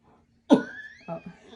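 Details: Adult man with long-term care needs coughs on his mother's request during deep teeth cleaning and suctioning, after water is squirted in his mouth: one strong cough burst, then a softer throat sound, clearing his throat.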